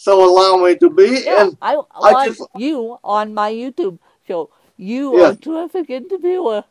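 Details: Adult woman with cerebral palsy who uses a walker; she describes her speech impediment as milder than her host's; mild dysarthria due to cerebral palsy.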